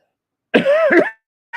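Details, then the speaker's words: Adult man with laryngitis: one short, harsh cough with voiced, throaty quality, close to a throat clear, in a quiet room. "me elementary supporter I apologize guys I had learned I got a laryngitis apparently yes I'm still doing this"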